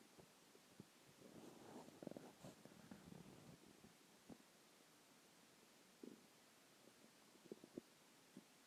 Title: stomach growling 2